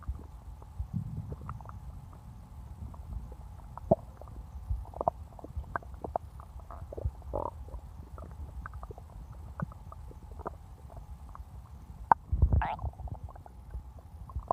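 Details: Own abdomen recorded for ASMR after drinking cola: low, continuous rumbling with scattered gurgles and pops, ordinary stomach growling (borborygmi).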